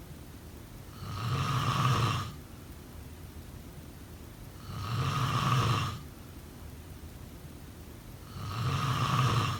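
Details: Three low, rattling snores on the in-breath, about 16 breaths a minute, with quiet pauses between; snoring during sleep.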